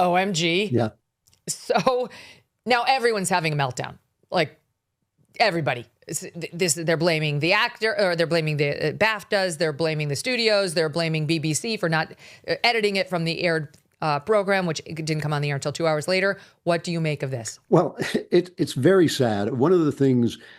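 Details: Adult speakers in conversation; ordinary fluent speech.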